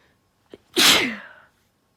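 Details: Induced sneezing by a female recovering from a cold: a brief catch of breath, then one sharp, explosive sneeze.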